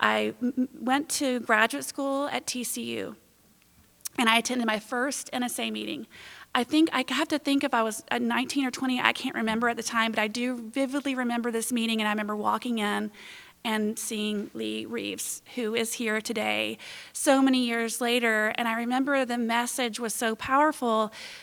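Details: Adult woman speaking; ordinary fluent speech.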